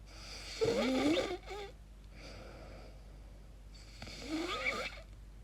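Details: Irregular sleep snoring recorded by the sleeper, who calls the noises very strange and asks whether they might be sleep apnea: two noisy, rattling, squeaky sleep breaths with a quiet pause between them; irregular snoring.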